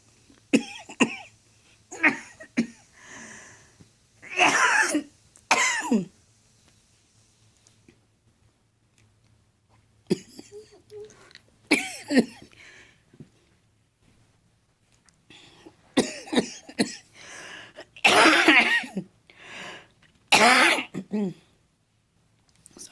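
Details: A mother gives repeated harsh coughs and throat-clearing hacks in three bouts separated by quiet pauses.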